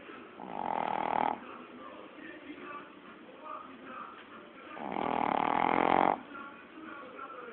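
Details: Pet dog snoring while asleep: two long, loud, rasping snores about four seconds apart, with quiet breathing between them; snoring.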